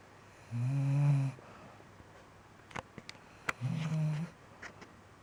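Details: Snoring recorded August 2015: two low, buzzing snores about three seconds apart, roughly 20 breaths a minute, with small clicks and rustles between.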